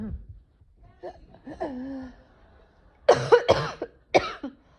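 A few soft vocal sounds, then a burst of sharp, explosive sneezes and coughs in quick succession.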